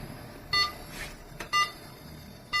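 Short, clear electronic beeps about once per second from a patient monitor running in demo mode, over quiet room hum.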